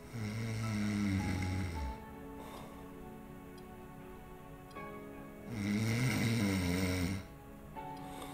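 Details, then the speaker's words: Snoring with obstructive sleep apnea, shown in a sleep apnea teaching video: loud, rough snores separated by a silent stretch with no airflow while the stomach keeps moving. "yeah I mean you made the comment that you can see his stomach still moving like he was breathing but you didn't hear any air going out in and out with sleep apnea that is a very common problem if it's truly obstructive"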